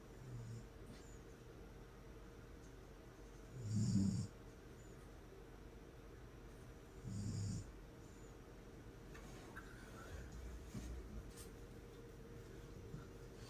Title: My Mom Snores like Cookie Monster